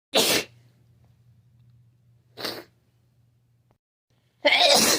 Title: Constant cold sneezes.